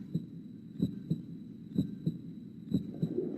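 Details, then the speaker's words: Human heartbeat played in a school science lesson on the circulatory system: steady paired lub-dub beats at about 62 a minute with a faint steady hum behind; a normal heartbeat. "What's that sound? It's a human heartbeat. Your heart never stops beating, whether you're running a race or you're fast asleep."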